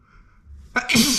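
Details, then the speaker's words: Adult male, loud sneezing with nose rubbing after: quiet breath intake, then a sharp explosive burst and a loud open-voiced release; a single sneeze. "Oh shit, I'm not gonna be able to hold it back. It's so exhausting. That was close."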